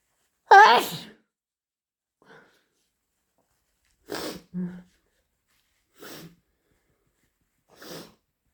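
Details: Person sneezing with a runny nose: one loud sneeze followed by several sharp, wet nose-blowing bursts.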